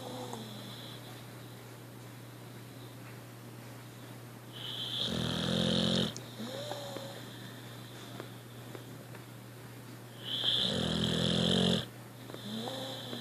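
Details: Loud rattling snores about every five to six seconds, with quieter breathing and a steady hum between them, from a content sleeping puppy, tongue touching the floor; ordinary snoring.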